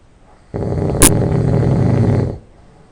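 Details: Person who has just fallen asleep: one loud, rough nasal snore lasting about two seconds, with a harsh rattle; loud nasal snoring.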